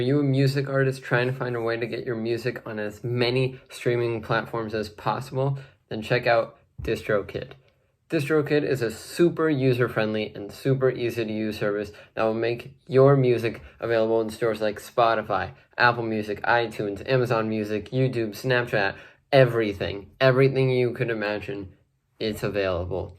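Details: Adult male speaker; fluent speech.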